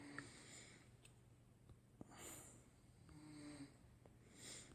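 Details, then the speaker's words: Roommate snoring in the background while asleep: faint, rough, drawn-out rattling breathing noises repeating in a quiet room. "Si vous entendez ronfler, c'est mon coloc qui ronfle."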